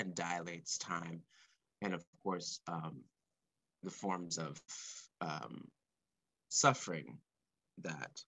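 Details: Male composer who has stuttered since about age four or five, speaking live; he describes his stuttering as blocks and repetitions; stuttering.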